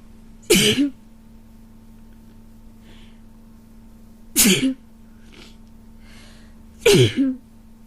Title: lots of cold sneezes